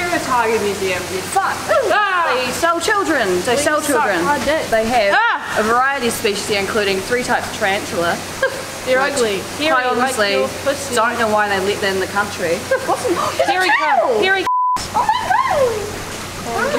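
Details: Person with Tourette syndrome in a public setting, with sudden swearing and interjections; vocal tics (Tourette syndrome).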